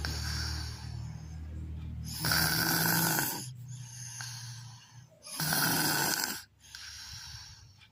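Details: Unusual snoring: loud, harsh rattling snores on the in-breath with quieter breathing between them; snoring.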